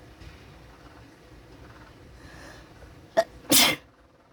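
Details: Brief intake then one sharp, explosive sneeze burst over quiet room or vehicle hum; sneezing with some snot.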